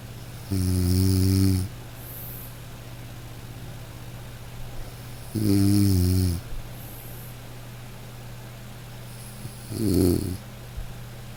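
Three loud, low, buzzing snores about four to five seconds apart over steady room hum; ordinary snoring from throat vibration during sleep.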